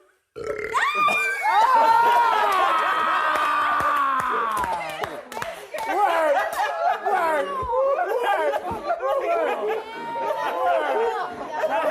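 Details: One long, loud, throaty burp let out in another person's face, lasting several seconds, followed by excited talking and laughter; someone says they almost threw up; belching.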